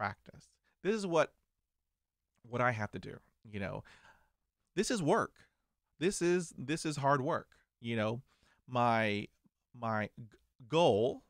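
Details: 49-year-old man who stutters and still has blocks, managing it with diaphragmatic breathing, meditation, daily reading aloud and mirror practice; stuttering.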